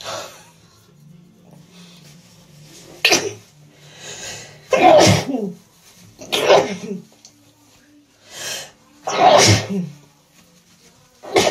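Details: Repeated sneezing with a cold: four loud, explosive sneezes a few seconds apart, each after a sharp in-breath.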